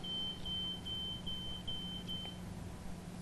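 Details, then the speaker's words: Adult type 1 diabetic in a phase-two trial who lived 3 days outside hospital on an artificial pancreas: repeated high-pitched electronic beeps over low room hum; artificial pancreas device alarm. "leaving the hospital and going out and living in the real world for 3 days with an artificial pancreas now it's going to alarm"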